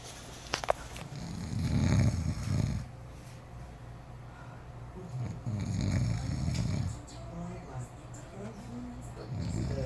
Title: Auntie snoring